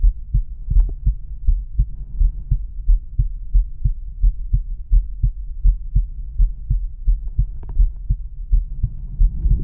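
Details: Adult male, stethoscope diaphragm at the apex: steady, low heartbeat thumps at about 83 a minute with a faint background hum; normal heart sounds.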